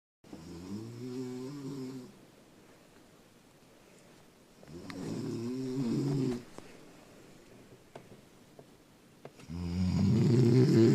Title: Mom snoring bad